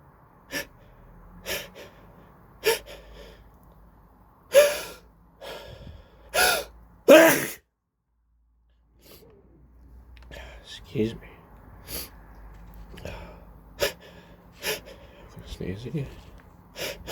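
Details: Repeated cold sneezes: several sharp, explosive bursts, each preceded by a quick catching inhalation, then quieter breathing; sneezing with a cold.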